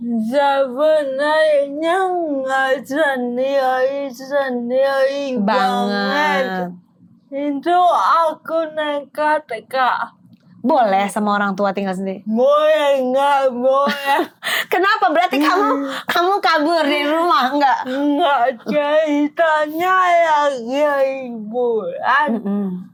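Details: Dysarthria in an adult woman with cerebral palsy affecting gross and fine motor skills.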